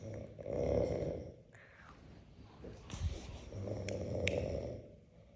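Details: Person (possibly a grandmother) snoring: two loud, rough, rattling snores with a quieter stretch between them, over faint room noise.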